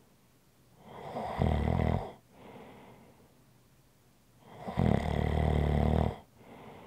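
Two long, loud, rattling inhaled snores, each followed by a softer breath out; about 20 breaths a minute: snoring.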